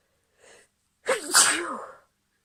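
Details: An adult woman's sneeze: a soft breath in, then one loud, voiced sneeze in a quiet room.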